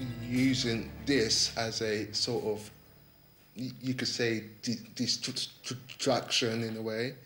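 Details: 28-year-old man with a stammer, attending a stammering course, answering a question; he has avoided the phone because of his stammer; finding: stuttering.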